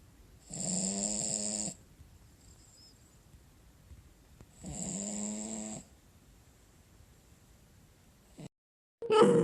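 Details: Sleeping Cavalier King Charles Spaniel snoring: two rattling, buzzing inspiratory snores about four seconds apart with quiet between them.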